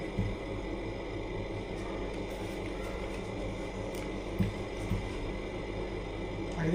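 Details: Steady low mechanical hum with rhythmic pulsing and occasional clicks from a running new oxygen concentrator suspected defective, its O2 indicator not yet turning green, which happens at 95% oxygen.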